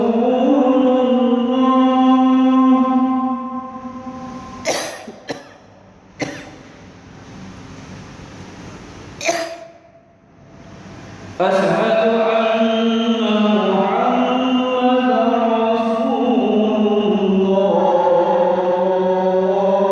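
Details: Coughing during an older recording of the adhan (call to prayer) by an ustadz; the sustained chanting is broken by a few sharp coughs and throat clearing, then resumes.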